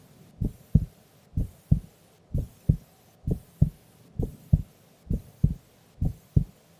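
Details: Female sleeping during an afternoon nap: steady paired lub-dub beats, about 63 a minute; calm, normal resting heart sounds during sleep.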